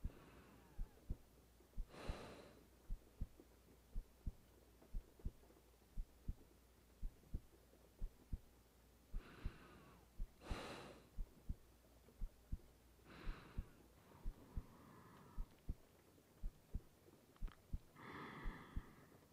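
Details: Adult woman's own heartbeat recorded while lying in bed at night for ASMR, calm and meditative: soft low thumps under steady rain and occasional rustling; ordinary normal heartbeat.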